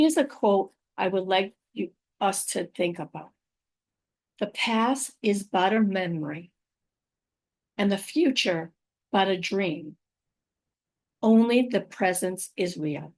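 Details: Adult woman with aphasia, apraxia of speech and dysarthria after a stroke about five years earlier; her speech can sometimes be hard to understand.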